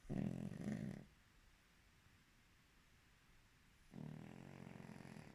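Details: Snoring pug: low, rumbling snorts during sleep separated by quiet pauses; typical flat-faced dog snoring.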